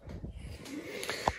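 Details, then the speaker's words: A pet dog lying nearby snores during an indoor recording: snoring. "так меня собака здесь рядом храпит наверно Слышите Это не я соплю"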